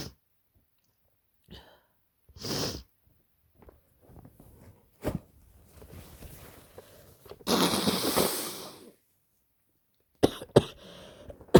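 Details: Adult kindergarten worker with a bad head cold (scratchy throat, headache, blocked nose): several forceful, harsh sneezes with an intake of breath before them and sniffles between; sneezing during a cold.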